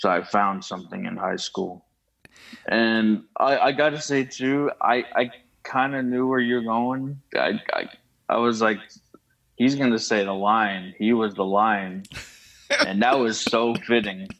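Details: Adult man who stutters, likely the podcast guest, speaking in an interview with audible word repetitions; stuttering.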